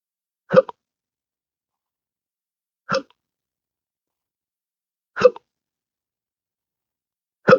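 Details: Intractable hiccups since December 2015, after surgery with nerve damage (pudendal nerve injection, phrenic and vagus nerve involvement): four short, sharp hiccups with a brief gulping catch, about 26 a minute, in a quiet room.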